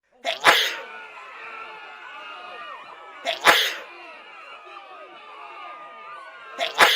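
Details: Three sharp sneezes about three seconds apart, each followed by a warbling sound effect; sneezing.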